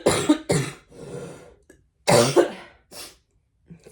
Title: Flosstube #253 - Sorry for all the coughing.